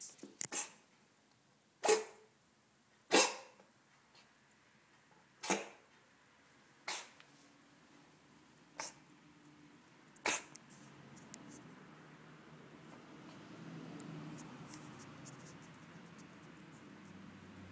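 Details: Korat cat coughing for three days; owner unsure whether it is a furball or something more serious: about eight short, sharp, dry coughs over ten seconds, then quiet room noise.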